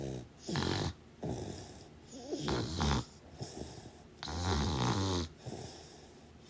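Loud, rough snores with each breath, roughly every two seconds, some with a fluttering rattle: ordinary snoring during sleep.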